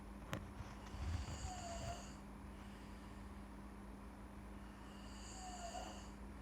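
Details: Adult man (uncle) snoring in sleep: low, rough snoring breaths at intervals over a steady hum of room noise.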